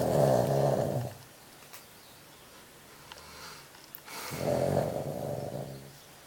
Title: 25 years old pekingese snoring